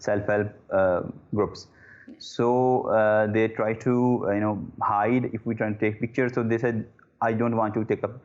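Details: Adult man who stammers; disfluencies include repeated 'uh'. Stuttering.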